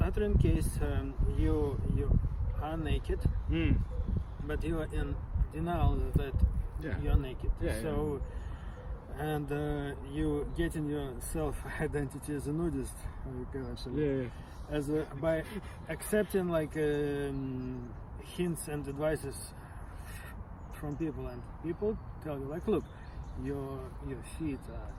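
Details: Adult participant in a stuttering discussion group, who learned stammering techniques from a therapist; stuttering.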